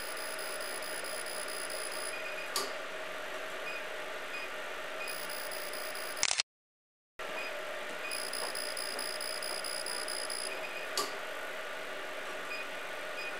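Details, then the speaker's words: Fractional CO2 laser treating enlarged facial pores at energy 6, handpiece held perpendicular and flat on the skin, repeating over the worst areas: steady machine hum with high-pitched tones, faint clicks and brief beeps. "好，接下来我们做面部毛孔粗大的位置和右侧毛孔粗大的位置用的能量是一样的，现在能量是6。我们的取景器要垂直贴平皮肤。我们将问题严重的部位再进行操作。"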